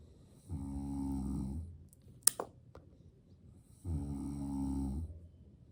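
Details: Snoring from a father asleep while his baby enjoys it.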